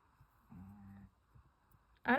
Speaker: don't know if you can hear the snoring behind me. That's our other dog. They're such a tiny little guy. He's a Chihuahua. He snores fairly loud.